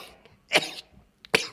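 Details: Boy sneezing, from a compilation: two short explosive sneeze bursts in quick succession.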